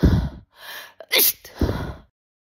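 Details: Sneeze during a spoken date roleplay ("sniffing you makes me sneeze"): quick intakes of breath, a sharp noisy burst, then a trailing exhale.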